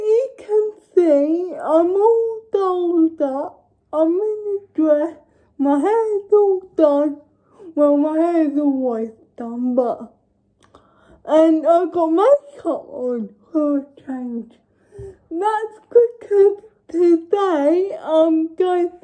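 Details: Young woman with cerebral palsy; dysarthric speech in cerebral palsy.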